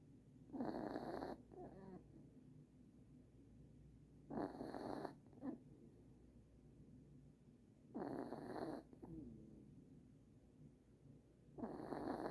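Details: New puppy sleeping in Christmas pajamas, snoring: soft, snorting snores about every 3.5 seconds, roughly 16 breaths a minute, each followed by a brief breathy outflow.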